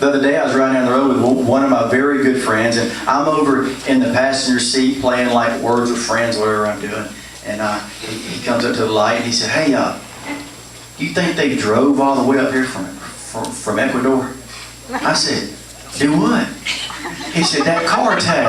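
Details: Adult male comedian who stutters, performing stand-up at an open mic; stuttering.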